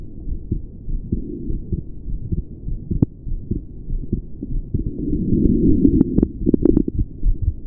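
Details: Male heart recorded at the pulmonic area during straining pushes: muffled heartbeats with odd extra sounds, clearest after each breath is released; the recorder is unsure whether this is a murmur or a split.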